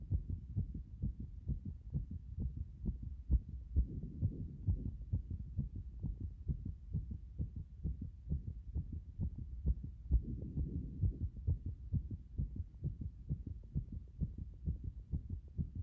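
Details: Strong, fast, regular pounding heartbeat at about 130 beats per minute, heard after getting out of a bath.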